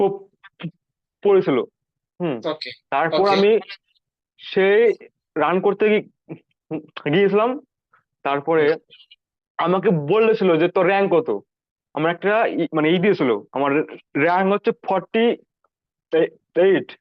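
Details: 19-year-old male, recorded before stammering therapy; stuttering.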